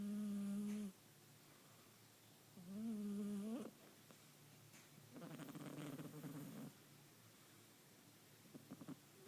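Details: 15-week-old Bengal kitten snoring while asleep: soft, humming little snores in several brief bursts, some smooth, some fluttering, with irregular breathing rhythm.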